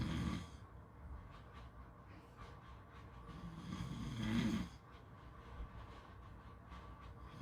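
A single rising, rattling snore over steady background hum, with quieter breathing around it; typical snoring.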